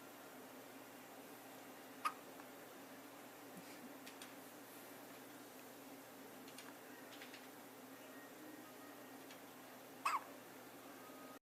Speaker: She's trying to hold it in, but she can't because she has the hiccups.